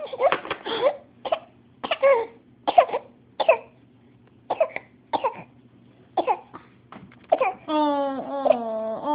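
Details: Young child deliberately fake coughing: about ten short, put-on coughs ending in a whiny cry; voluntary cough.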